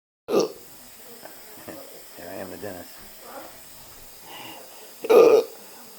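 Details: Patient with hiccups at the dentist, deciding whether dental work is possible: two abrupt, sharp hiccup sounds about five seconds apart with faint murmuring between; hiccups.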